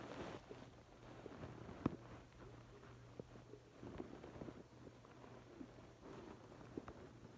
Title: Hungry stomach growling